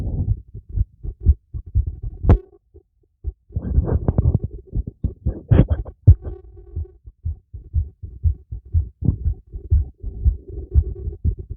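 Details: Fast, thumping heartbeat heard through a stethoscope after a light workout, with rubbing and breathing noise over it; clear heartbeat audio.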